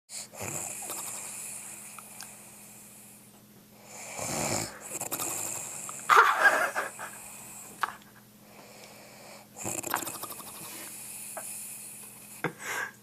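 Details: Elderly woman (grandmother) asleep, unaware she snores: loud, rough, fluttering snores every few seconds, some ending in a sharp snort, over a steady low hum; heavy snoring.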